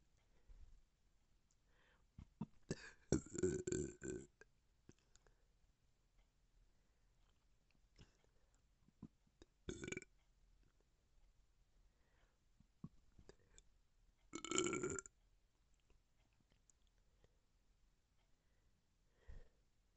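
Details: Repeated belching: several loud, rumbling burps separated by quiet stretches, with faint clicks between them.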